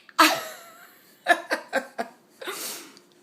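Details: Mother sneezing while child laughs: a sharp sneeze, then short bursts of a child's laughter, then a softer breathy sneeze; sneezing.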